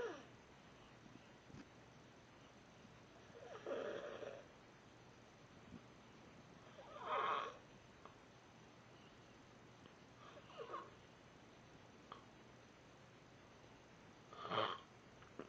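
Snoring with rough inhaled snores recurring about every 3 to 4 seconds against a quiet room hum.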